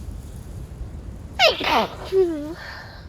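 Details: A single sudden, wet, spraying sneeze followed by a short vocal exhale, against outdoor noise; a sneeze during a cold.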